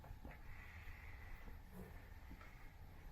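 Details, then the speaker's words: CPAP machine just switched on via its top power button, running at pressure 5, its minimum: a quiet, steady low hum with a faint airy hiss. "it's very easy to turn this on the button power button is right on the top here to turn on the pressure and also turn it off i'm going to go ahead and turn it on"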